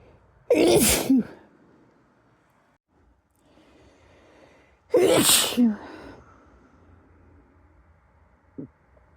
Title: some dusty sneezes